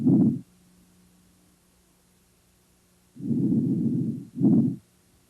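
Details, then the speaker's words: Vesicular breath sounds heard with a stethoscope from the apices down to the bases and laterally during a thorax respiratory assessment: soft, low-pitched, with inspiration longer than expiration. "you should hear vascular sounds at the apases down to the bases and laterally these sounds are low pitched and soft with a longer inspiratory than expiratory"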